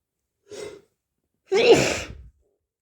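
A sharp in-breath followed by a loud, explosive sneeze; sneezing from hay fever.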